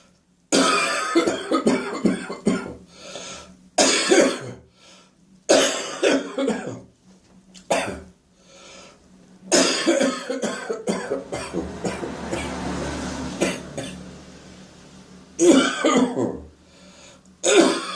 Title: Residual Phlegmy Morning Coughing and Gagging